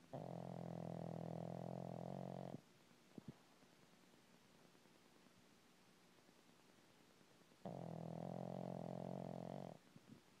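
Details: Pug snoring louder than three French bulldogs: two long, steady buzzing snores about two seconds each, separated by a quiet five-second pause; snoring.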